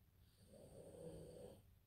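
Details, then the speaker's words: Small female dog sleeping, snoring very loudly: a single loud, rumbling snore with faint room noise. "J'ai mon petit chien qui ronfle, mais elle ronfle très fort. Je sais pas si vous l'entendez. Elle doit bien dormir."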